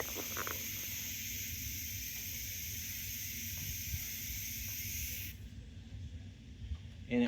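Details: Steady high hiss for about five seconds, then stopping: gas flowing as a portable medical oxygen cylinder valve is turned one full turn counter-clockwise with a wrench and the regulator pressurizes.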